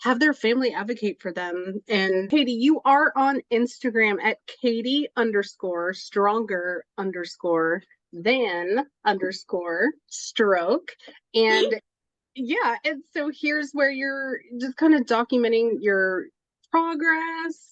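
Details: Adult woman speaking; Normal speech.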